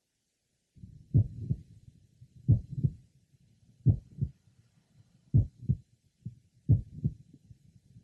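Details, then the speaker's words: Mitral valve prolapse in a 22-year-old man with a family history of the condition (mother and grandmother), heard at the apex and lower left sternal border: slow heartbeat with a sharp mid-systolic click introducing a late systolic murmur. "if you listen carefully and specifically first for a midsystolic click and then a systolic murmur introduced by The Click both will be heard and were present at the Apex and left lower sternal B"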